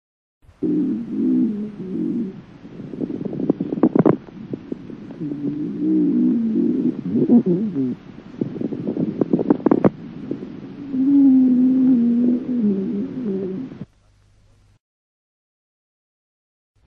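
Low musical wheezing tones mixed with loud, popping, bubbling crackles through the breaths: wheeze with coarse bubbling crackles.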